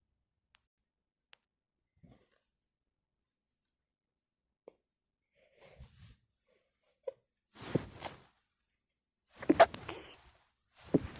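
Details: Faint sniffs and clicks, then three loud, noisy bursts in quick succession into a tissue; a bout of sneezing.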